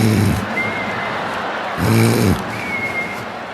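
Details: Snoring in a man, within a stand-up comedy routine: two loud, low, rattling snores on breathing in, with quieter breathing between and faint background music.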